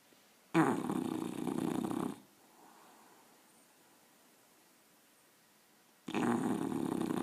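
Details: English bulldog puppy's loud, hard snoring while asleep; the owner says it snores like this every time it sleeps, loud enough to drown out the TV.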